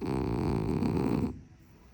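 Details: Female French bulldog asleep: one loud, rough, rattling snore lasting just over a second, then quiet; snoring.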